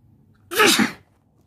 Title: Sneezing while sitting on the bed